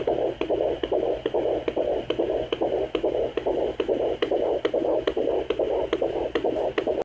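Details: Fetal heartbeat at 17 weeks of pregnancy recorded with a handheld pocket fetal Doppler: rapid, regular whooshing pulses at about 140 beats per minute.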